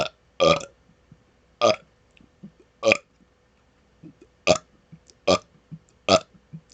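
Seven loud, short burps in quick succession over about seven seconds, with faint softer sounds between them; repeated belching.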